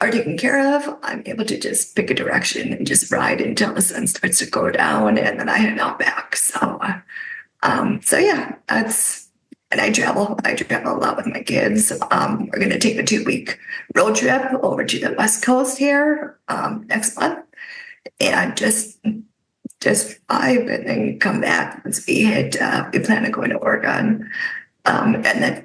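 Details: Adult woman with spasmodic dysphonia caused by neck trauma about 5 years ago, unable to speak for about 2 years, treated with neck Botox injections that help but do not cure; spasmodic dysphonia.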